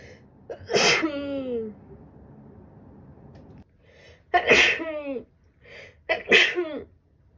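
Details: Woman sneezing with a winter cold: three sneezes, each a quick inward catch of breath then a loud voiced burst.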